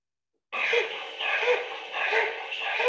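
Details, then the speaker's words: Dog with severe laryngeal paralysis: harsh, raspy, high-pitched biphasic stridor through both inspiration and expiration without pause; severe cases may show cyanosis. "Et on peut écouter que le bruit est biphasique, inspiratoire, expiratoire. Chez les autres, le bruit est uniphasique. Mais en cas sévère, c'est biphasique."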